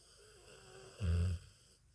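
One loud, low, rattling snore on breathing in, after a quiet stretch. A sleeping dog's snoring.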